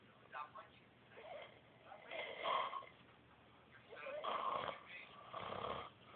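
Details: Rough, rattling breathing noises in irregular bursts over a few seconds: snoring.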